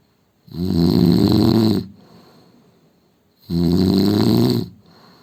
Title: Indian man snoring sound